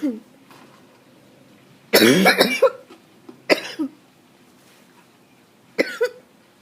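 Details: Adult coughing fit attributed to allergies: a harsh, rapid run of several coughs, then two more separate bursts with quiet pauses between.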